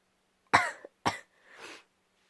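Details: Two harsh cough bursts, then a softer breathy exhale in a quiet room, from a vlogger who says they have been very ill for several days and still are; coughing.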